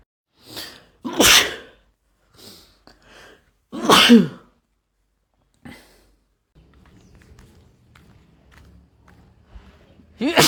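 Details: Male sneezing, a mix of random, induced and cold sneezes that grow progressively louder and stronger: two loud sneezes with sharp inhaled build-ups and smaller breathy sounds between, then quiet room noise and the start of another sneeze.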